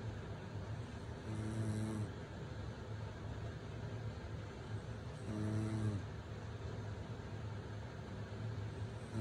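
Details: Two low, rumbling snores about four seconds apart over steady background hiss, from a sleeping mother while her baby sleeps through it after a day at the beach; adult snoring.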